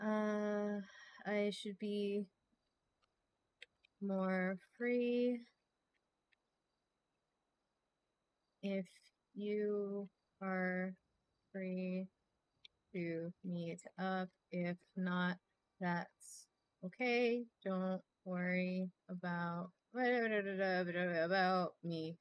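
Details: Mild stuttering in a female streamer who says she often repeats words and gets stuck on or in the middle of words.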